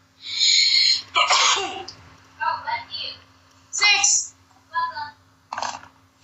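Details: Run of sharp, hissing sneezes with brief voiced catches while looking at a phone; sneezing.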